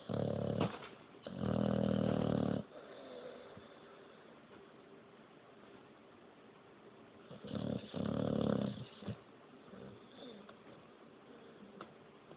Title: Dog boxer snoring